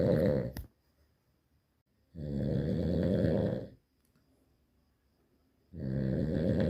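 Loud, buzzing, rattling breaths drawn in about 19 times a minute, with silent gaps between them: heavy snoring.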